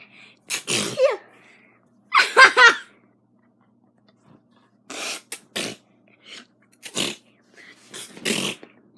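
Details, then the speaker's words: A child (a sister) with an itchy nose who has been sneezing all morning gives a rapid run of about five sneezes, several with a voiced, squeaky, scream-like quality. "She's been doing this all morning. I have sneezes. Yeah. That one was just weird. Are you screaming or sneezing? Sneezing."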